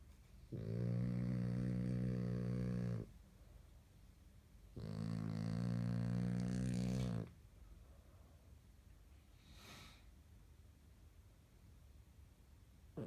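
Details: French Bulldog puppy sleeping and snoring: two long, loud, low buzzing snores of about two seconds each separated by quiet pauses; owner says snoring gets louder after a tough day.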